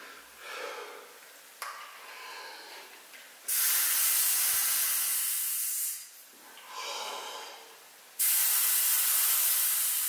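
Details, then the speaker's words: Forced exhalation through an EMST 150 expiratory muscle strength trainer, with resistance turned up to the middle position so much stronger blowing is needed: strong, steady hissing blows of a few seconds each, with pauses. "jetzt drehe ich es etwas höher jetzt ist es schon in der mittleren Position und ich muss schon deutlich stärker hineinblasen"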